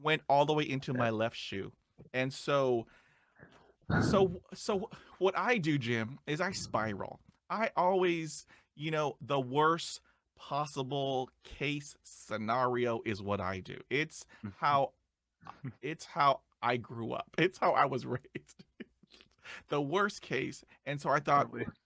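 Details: Male podcast host who describes himself as a person who stutters, with repeated interjections and part-word repetitions; he reports having blocks and repetitions; stuttering.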